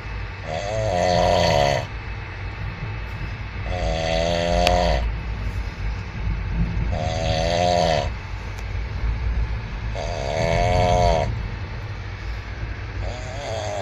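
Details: Man snoring while asleep on a train: loud, rattling snores about every three seconds over steady train rumble.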